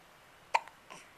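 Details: Infant hiccups, recorded in 2009 on a Flip Video camcorder while the mother talks: a short, sharp hiccup with a softer catch of breath after it, in a quiet room.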